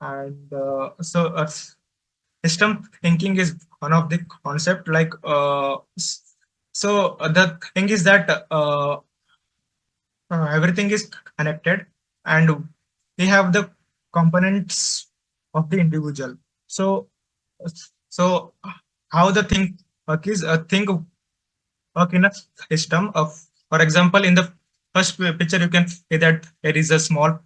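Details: Adult man who says he stutters, finds speaking difficult especially with different people, and reports blocks while speaking; stuttering.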